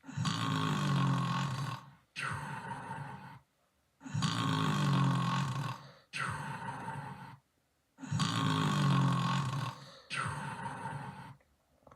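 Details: Repeating loud, rumbling snore effect: long harsh inward snort followed by a shorter outward one, about 15 cycles a minute; snoring.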